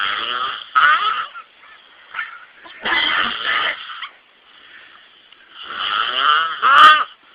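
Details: Heavy snoring from a sleeping male friend; loud, honking, buzzing noises on breathing in, about three cycles with quiet gaps between.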